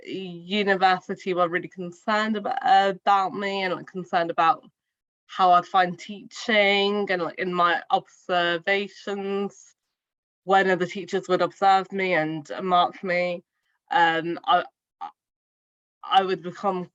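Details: Adult woman who stammers, speaking spontaneously in a real podcast interview; stuttering.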